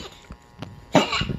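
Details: 19-year-old dog, which has collapsed several times this year and needed CPR, coughing: single harsh, honking cough burst after faint snuffling sounds.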